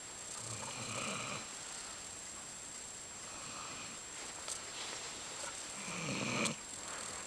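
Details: Dog snoring: soft, hissy snoring breaths from a sleeping dog, about three in seven seconds, over steady room noise, loud enough to keep the owner awake at night.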